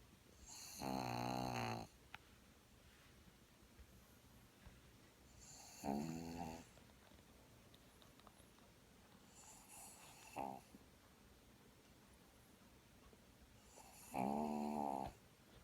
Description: Luna sleeping and snoring with eye open.